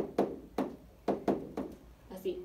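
A vocal imitation of heart sounds: a few soft thumps, each trailing into a low, fading rumble, followed by a brief bit of voice. It mimics the diastolic rumble of tricuspid stenosis, made as blood flows through a narrowed tricuspid valve into the right ventricle.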